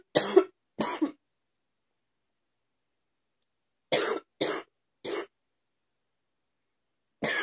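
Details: Ongoing morning cough: six short, harsh cough bursts in clusters of two and three, separated by silence.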